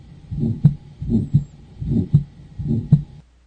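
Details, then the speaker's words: Aortic stenosis: regular heartbeat about 80/min with a harsh systolic crescendo-decrescendo ejection murmur swelling and fading between S1 and S2. "And the intensity of the murmur rises and then falls in cy. This is also sometimes called an ejection murmur because this is a type of murmur you get when blood is being ejected from one of the cardiac chambers."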